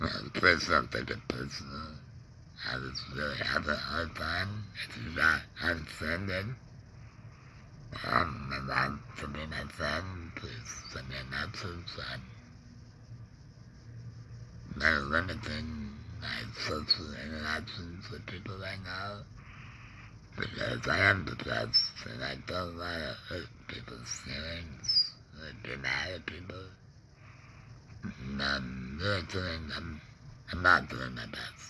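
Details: Adult man with a laryngectomy after cancer (tongue cancer tagged), breathing through a neck stoma, with ongoing tongue pain and depression; alaryngeal speech after laryngectomy.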